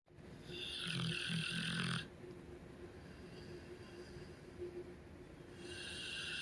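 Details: Loud snoring from a sleeping puppy (dog), only the tail end of a long loud bout: loud rattling snore on the in-breath over steady room noise.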